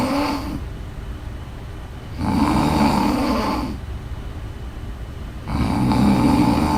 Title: Snores